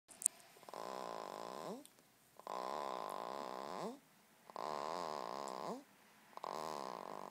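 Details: Baby snoring: regular, drawn-out, buzzy, rhythmic sleep breaths with a musical rising-and-falling tone, about 32 a minute; laughter and music in the background.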